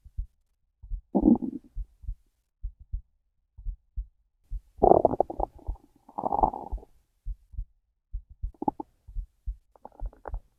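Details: Gurgling, rumbling stomach growls over a soft, steady heartbeat thump; hungry stomach growling, bowel sounds (borborygmi).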